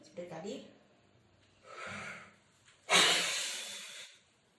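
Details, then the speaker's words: Quick deep breath in, then a sudden hard blast of breath out fading over about a second; forced expiration during spirometry practice, patient instructed to inhale and exhale fast. "Jadi kalau tadi itu ada yg bisa bernafas putih biasa tapi ini gak bisa jadi harus tarik langsung tarik cepat"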